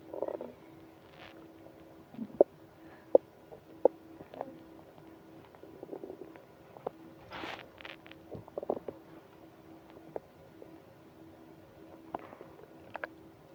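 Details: Stomach growling from hunger, progressing to stomach ache: quiet gurgles, squeaks and short bubbling rumbles in a quiet room; borborygmi.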